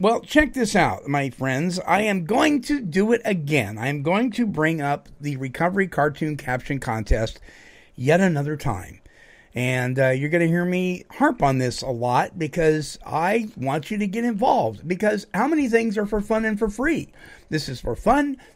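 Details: Adult male speaker; ordinary speech.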